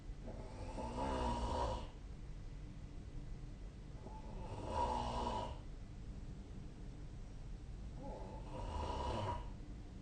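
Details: Three regular rattling inhalation snores, about 18 breaths a minute, with quiet pauses between them in a quiet room; sleep snoring recorded with the SnoreLab app on 2025/04/30.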